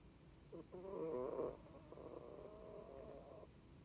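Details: A cat that has snored ever since she was a kitten, snoring loudly: a wavering, tonal, whistling snore of about three seconds over a steady background hiss.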